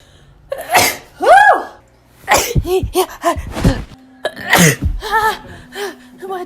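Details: Compilation of sneezes from different people, recorded April 2017 to January 2019: a run of sharp, explosive sneezes, each with a quick in-breath before the burst; sneezing.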